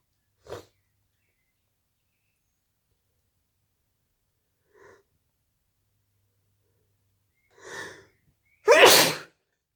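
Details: Sneezing induced with a new method involving a CD: four short sneezes spaced seconds apart, the last loud and forceful.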